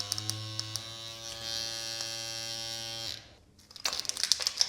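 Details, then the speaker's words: Steady high motor whine for about three seconds, then stopping: a Dr. Pen M8S microneedling pen switched on to test it before first at-home use on stretch marks. "Let's check if this thing turns on. It does. Oh my god, this is so scary."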